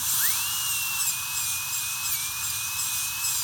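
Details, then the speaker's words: Dental drill with a steady high-pitched whine, running smoothly to remove unsupported enamel "wings" during a PFM crown preparation for tooth 1. "Okay, so how I'm gonna remove it? I will just run my burr very smoothly."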